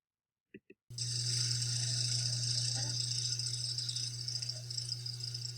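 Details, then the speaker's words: Hand-held small volume nebulizer driven by an oxygen flowmeter, narrated respiratory therapy skill demonstration: steady hissing flow with crackling sputtering as the medication cup runs low, indicating treatment completion. "so I hear a little bit of sputtering in the medication that means your treatment is almost done sputtering is noted which indicates therapy completion"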